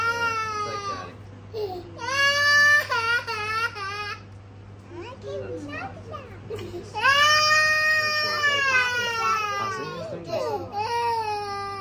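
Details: 18-month-old boy at his immunisation visit, scared of strangers during a doctor's hip check: loud, high-pitched crying in repeated wailing bursts with sobbing breaths between, an adult quietly soothing him.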